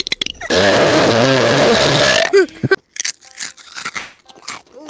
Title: Burping compilation